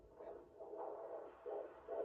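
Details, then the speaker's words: Rapid whooshing pulses at about 140 a minute, reported normal: fetal heartbeat on ultrasound Doppler at the 20-week anatomy scan in the second trimester, with a posterior placenta. "Is that the heartbeat? Yeah."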